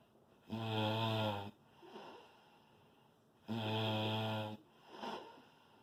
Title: snore loud